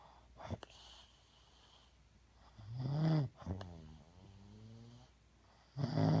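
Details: Adult snoring that reportedly goes on pretty much all night: loud, rattling, low-pitched breaths about every three seconds, some with a groaning voiced quality, over quiet room noise.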